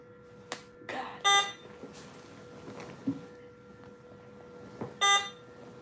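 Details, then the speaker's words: Infusion pump alarm at a patient's bedside: two bursts of high-pitched electronic beeps over a steady tone and room noise; pump reported unplugged with battery low. "God, I don't think it's plugged up. I unplugged it. It says battery low."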